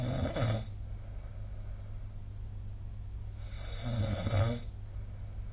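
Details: Snoring during sleep recorded with the SnoreLab smartphone app: two loud, low, rattling breaths about three seconds apart, with quiet room noise between them.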